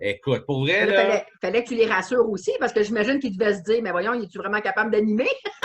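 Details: Adult woman speaking French; normal speech.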